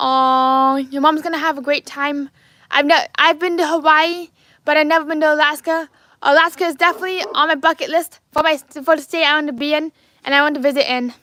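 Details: Adult man with lifelong apraxia of speech, diagnosed at age four.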